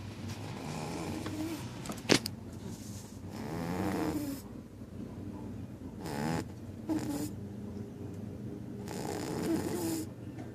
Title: So, my cat snores... Bad